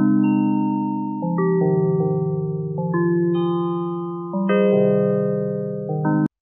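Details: Fractal tones played as a hearing aid tinnitus sound-therapy relief feature.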